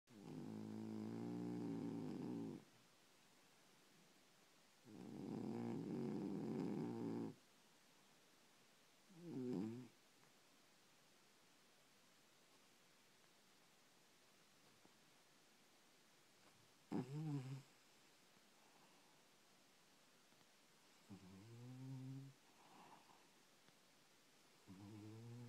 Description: My cat snoring and dreaming.